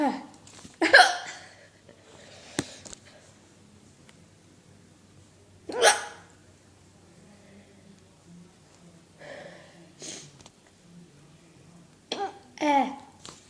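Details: A person who often gets loud, weird-sounding hiccups and sometimes vomits a little with them: several brief, abrupt bursts, each a sharp catch of breath, recurring irregularly every few seconds: hiccups.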